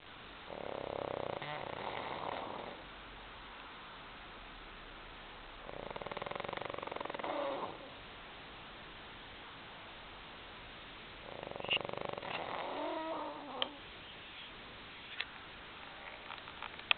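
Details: Sleeping dog snoring: three long, rough, rattling breaths of about two seconds each, separated by quiet pauses.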